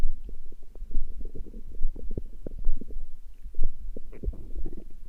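Continuous low rumbling with rapid bubbling gurgles throughout; an ordinary growling stomach.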